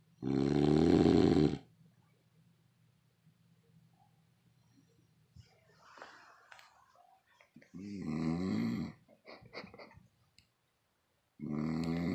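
Loud, rattling snores on the in-breath, about three in twelve seconds, with quiet breathing between them: snoring.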